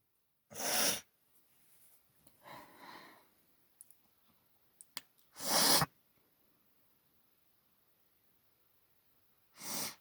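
Three loud explosive sneezes with quieter sniffing and nose-blowing between them, a sneezing fit from allergy.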